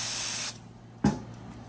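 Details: Brief hissing burst of cold spray, then a short clunk, numbing the skin over the big toe joint of a young man previously diagnosed with gout before needle drainage of a subcutaneous blister-like lump.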